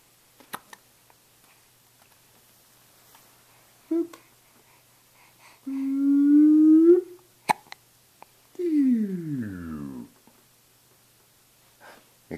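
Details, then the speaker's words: Loud daily hiccups, recorded on a Flip Video camcorder: a few sharp, abrupt hiccup clicks between quiet gaps, mixed with humming and tonal toy-like sounds in a small room. "those are loud ones every day now you're getting those hiccups"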